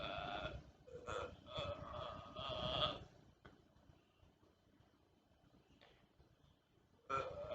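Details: Simulated burping: a person under a blanket making zombie-like noises, not real burps. Several long, drawn-out burp-like sounds, a pause, then one more.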